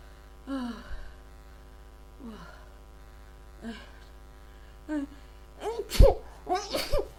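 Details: Several gasping in-breaths building to two or three loud sneezes in quick succession over a steady low hum; a huge sneezing fit, and the person is unsure whether it is a cold or allergies.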